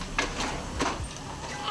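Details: Newborn boy after complicated traumatic birth, with breathing pauses, finally cries: brief, thin, bleating cry rising in pitch, start of crying after resuscitation.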